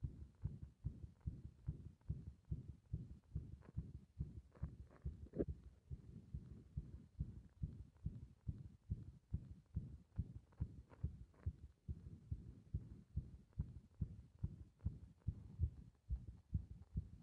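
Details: Heart sounds recorded with compression, becoming irregular while the breath is held: fast, muffled heartbeat with uneven spacing and some louder, irregular beats mid-recording.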